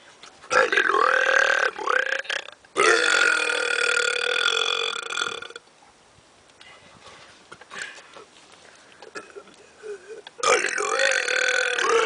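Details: Two men deliberately burping: three long, loud, voiced burps separated by a quiet gap with faint room noise; ordinary belching.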